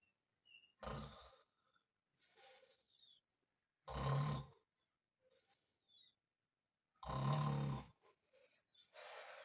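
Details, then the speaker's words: Loud, deep, rattling snores about every three seconds with quiet gaps, keeping a bedmate awake at night; snoring. "¿Qué? Deja de roncar. Es que no me vas a dejar dormir."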